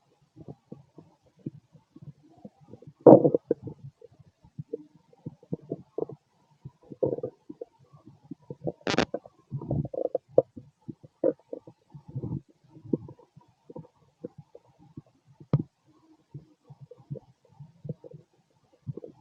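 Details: Male stomach growls during digestion: irregular gurgling and bubbling stomach rumbles over a quiet background, ordinary borborygmi.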